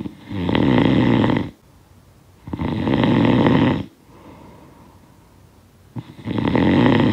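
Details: Loud rattling snores on each breath in, about three in seven seconds, with quiet breaths out between; sound-effect recording of snoring.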